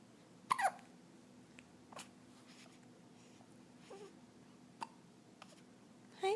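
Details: Hiccups in a 14-day-old baby girl: several brief, sharp catches of breath at irregular intervals, with a faint voiced squeak on some, in a quiet room.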